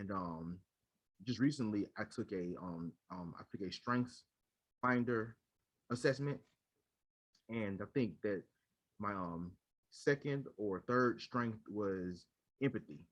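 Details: Adult man who stutters and leads a local stuttering support chapter; repeated fillers and word repetitions heard; stuttering.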